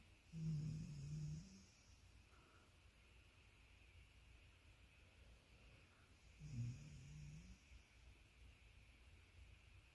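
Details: Labradoodle dog sleeping deeply in a relaxed pose, snoring and sleep-talking: two low rumbling snores about five seconds apart with quiet breathing between; ordinary sleep snoring.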